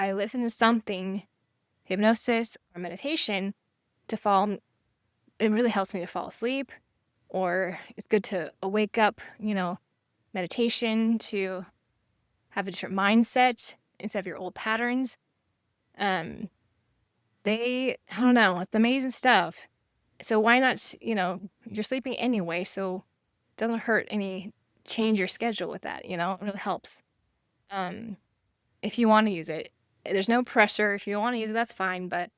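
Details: Aphasia after stroke in a female survivor living with it since 1999 (over 25 years), using hypnosis and meditation; she can sometimes spell words she cannot pronounce; aphasia.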